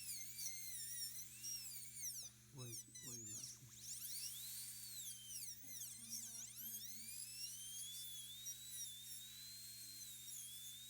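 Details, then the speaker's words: High-pitched drill whine rising and falling over low hum and soft music: 11/16.1 diamond bur, 1 mm diameter, doing occlusal reduction at the mesiobuccal occlusal plane, full metal crown preparation of upper molar #15. "We will start with the mesial buccal occlusal plane. Using the burr as a guide, the 11/16.1 diamond burr with a 1 millimeter diameter."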